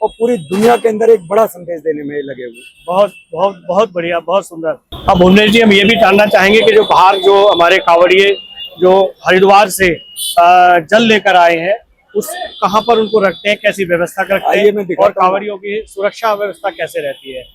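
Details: Adult male speaker; normal voice.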